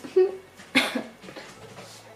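A sudden short cough-like burst followed by a brief voiced sound, consistent with a vocal tic of Tourette syndrome.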